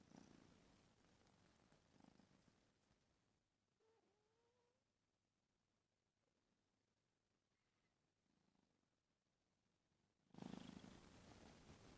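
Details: Cat snoring with its mouth open: soft, low rumbling breath sounds in a quiet room, with a brief squeak and a loud rustle at the end.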